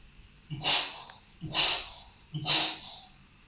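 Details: Vocal imitation of a double aortic lesion at the second aortic area: aortic regurgitation with functional aortic stenosis.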